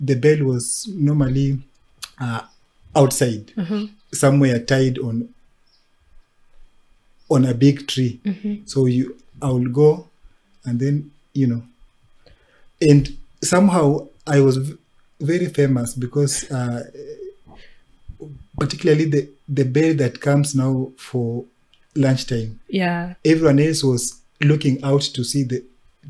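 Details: Adult man who has stammered since about age six and reports speech blocks; stuttering.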